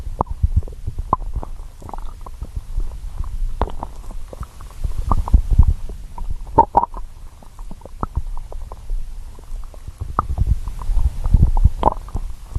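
Low bubbling rumbles and gurgles of a growling stomach; ordinary hunger-related bowel sounds.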